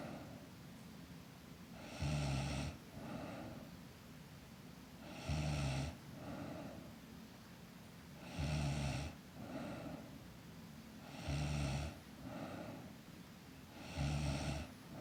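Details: Girl snoring during sleep: regular loud rattling snores on each breath in, about 20 a minute, with softer breaths out between.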